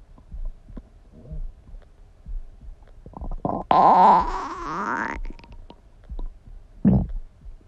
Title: Stomach Sound ASMR | My Stomach Makes Noises